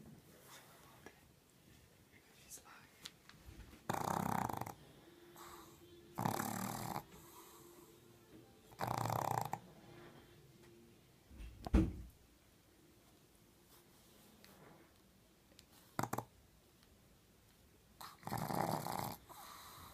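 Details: Loud, harsh snorting snores, about five in twenty seconds, from a sleeping pug born blind, snoring with her eyes open, beside a 10-year-old black pug; faint room noise between. Snoring.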